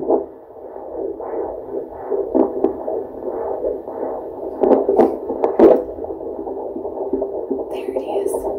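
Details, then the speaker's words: Fetal heartbeat on handheld Doppler at 14 weeks 2 days of pregnancy, during a midwife appointment: rapid, regular whooshing pulses at about 150 per minute, judged good. "can i hear it [Music] how is it [Music] 150s that's good good sounds good"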